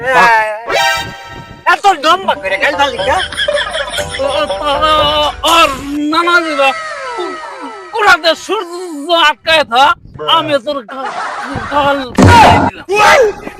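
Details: Comedy skit in which actors imitate stuttering with sound and syllable repetitions for comic effect; stuttering (acted imitation, not real).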